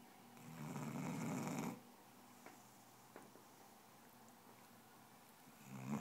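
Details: A long, low rattling snore, then a quiet pause before the next breath, from a basset hound: ordinary dog snoring.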